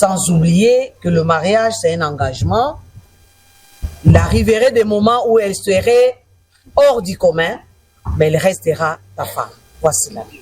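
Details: Adult speaker; normal voice.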